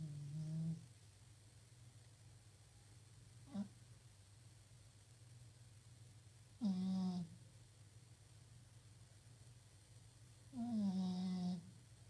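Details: Sleeping cat snoring: low, buzzing snores on its breaths, about four in twelve seconds, over steady room hum.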